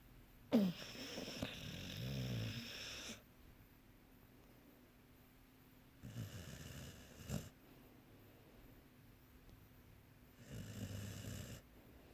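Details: Three rough, rumbling snoring breaths, the first loudest, with quiet pauses between; snoring.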